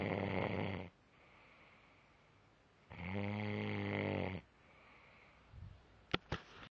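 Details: Loud, rattling snores on each in-breath with quiet out-breaths between them, about 19 breaths a minute, during sleep: snoring.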